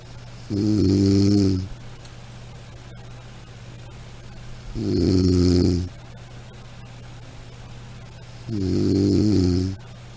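Three slow, regular low rumbling snores, about 15 a minute, over a steady low hum; ordinary snoring.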